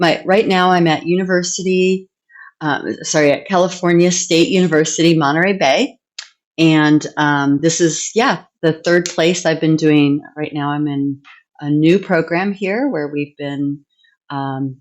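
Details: Adult woman; typical speech.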